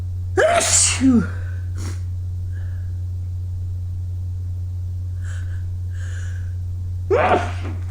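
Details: After early-morning running in cold air, two voiced sneezes several seconds apart with faint sniffs between, over a steady low hum; sneezing.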